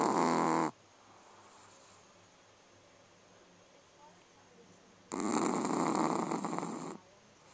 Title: Zero hard at work. Snoring puppy